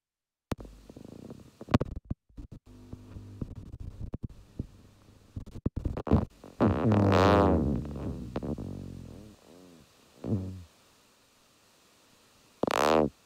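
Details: EMG myotonic discharge: individual muscle fibres fire runs of action potentials that wax and wane in frequency and amplitude, heard as buzzing runs rising and falling in pitch and loudness, the 'dive bomber' sound.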